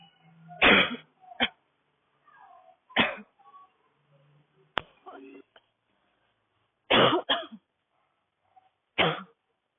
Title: just a little taste of my new video 🔥 subscribe for more! #girlcoughing #cough #barking #drycough